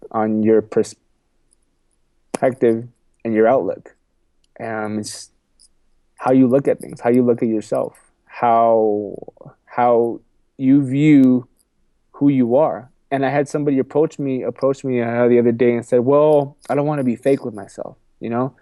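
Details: Adult man with a self-described stuttering problem, which he has accepted and spoken about publicly; stuttering.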